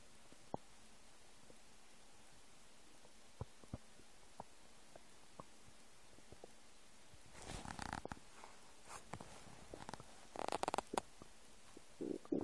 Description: English: New noises of my empty stomach.